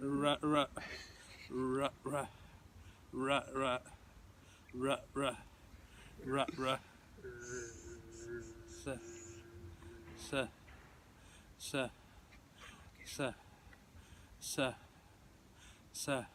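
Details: Adult male speaker; voluntary stuttering.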